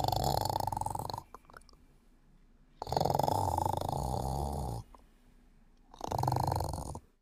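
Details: Woman sleeping and snoring: three long, rough, rattling snores with quiet gaps, about 25 breaths a minute; snoring.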